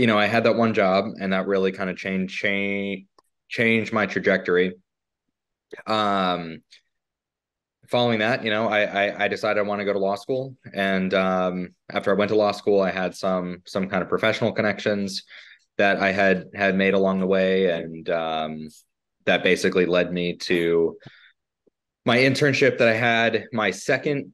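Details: Adult man, an attorney who stutters, says his stuttering is pretty mild here but more severe when arguing in court; stuttering, mild.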